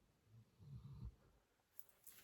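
Soft, low rumbling snore bursts from a sleeping dog in a quiet room; ordinary harmless snoring.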